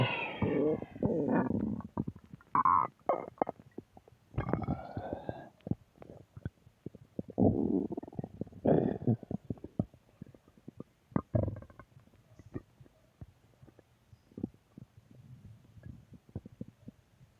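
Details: Ordinary stomach growling (borborygmi): gurgling, rumbling bursts with squeaky, shifting tones and quiet gaps, from gas and fluid moving through the gut.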